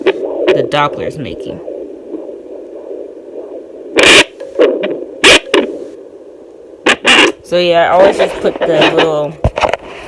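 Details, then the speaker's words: Home fetal Doppler at 22 weeks of pregnancy, 35-year-old with anterior placenta who cannot yet feel movement: steady hiss broken by loud, sudden bumps and swishes from fetal movement. "I can't feel it moving but I can tell it's moving by this extra little"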